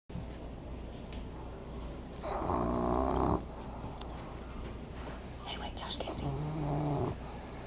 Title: Snoring dog wakes to the smell of food